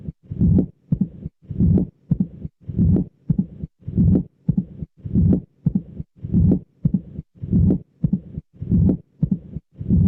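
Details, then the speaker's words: Mitral stenosis, heard best at the mitral focus with the patient in left lateral position and also near the pulmonary focus: regular heart sounds near 50 a minute, each followed by a mitral opening snap and a long low rumbling diastolic murmur. "este ruido pues que está a nivel de esa línea vertical por responde al sentido de apertura de la válvula mitral"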